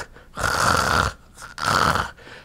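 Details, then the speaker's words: Regular snoring from a person: two smooth, even snores in a steady, rhythmic, continual pattern with no pauses or gasps, presented as ordinary snoring in contrast to sleep apnea snoring: simple snoring. "notice that it's rhythmic and continual"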